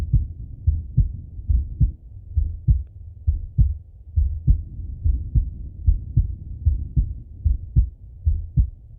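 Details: Male chest auscultation with stethoscope: steady heartbeat at about 73 a minute with clear lub-dub sounds and soft breathing in the background; normal heart sounds.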